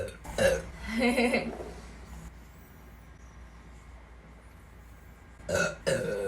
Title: 把不到妹妹就巴嗝 burping pug